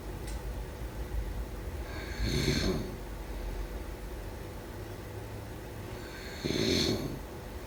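Two rattling, snorting breaths about four seconds apart over steady low room hum, typical of snoring during sleep.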